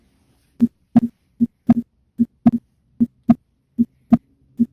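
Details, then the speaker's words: Normal heart sounds auscultated at the pulmonic area (second intercostal space, left parasternal line): clear, regular lub-dub at about 75 beats a minute. "Ahora continuaremos con el foco pulmonar. Se localiza en el segundo espacio intercostal, en la línea paraesternal izquierda. Procederemos a escucharlo."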